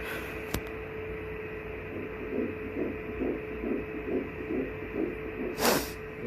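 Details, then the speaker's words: Fetal heartbeat heard on an early pregnancy ultrasound scan at about seven weeks (six weeks six days): soft, rapid, regular whooshing pulses of about 140 a minute over steady machine hum, described as strong. "i shared that moment when it was quite an emotional experience i mean you hear like a strong heartbeat that seven weeks"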